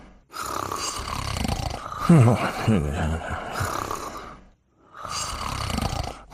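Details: Dogs Pongo and Perdita from a TV series: long, rough, rumbling snoring breaths with short silent pauses, a quiet voice nearby.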